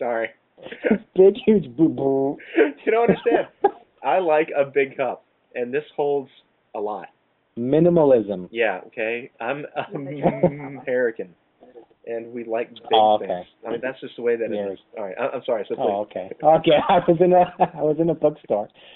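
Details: Lifelong stuttering in a male co-host of a webcam podcast about stuttering; stuttering.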